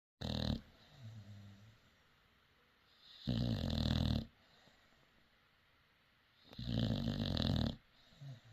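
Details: French bulldog or Staffie resting: loud, fluttering snores about every three seconds (about 18 breaths a minute), quiet breathing between; snoring.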